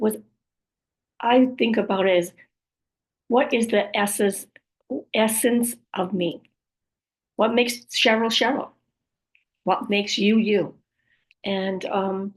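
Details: Woman after a stroke with aphasia, apraxia of speech and other communication challenges: aphasia with apraxia of speech.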